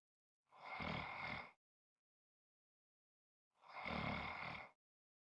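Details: Ordinary snoring: two long, rough, rumbling snores about three seconds apart with silence between.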